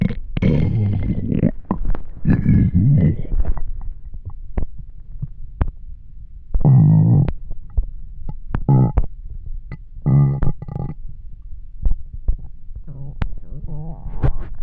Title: Extremely Hungry Stomach Growling